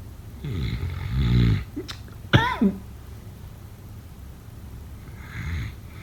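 Irregular throaty snore with a snort and short whistling gasp, then a softer snore: snoring.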